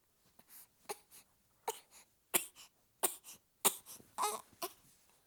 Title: 7 week old baby girl, hiccup